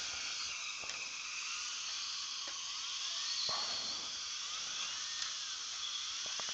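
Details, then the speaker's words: Dental microscope-guided drilling of a pilot hole, about 1 mm deep, into a broken, cold-welded abutment screw in an external hex implant (type 4 rescue); faint steady high whine of a slowly running dental drill, with hiss and small clicks. "it's cutting good and you want to look at the platform and then drill"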